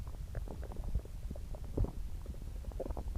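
Low gurgling and rumbling with bubbly pops throughout, typical of active stomach growling from an upset stomach.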